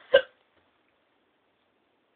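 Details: Girl with random hiccups while filming; a companion remarks they don't sound like hiccups. A single short, sharp hiccup, then silence.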